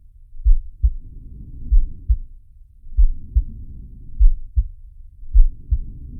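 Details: Animated cartoon shark character's heartbeat and breathing sound effect, not a real recording: low paired heartbeat thumps at about 48 a minute, soft breathing noise swelling between beats.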